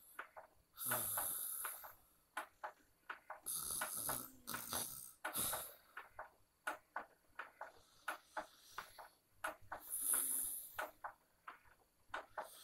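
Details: Adult open-mouth loud snoring while asleep with large belly movement, sleep apnea tagged: loud, irregular rattling snores and snorts with brief quiet gaps between breaths.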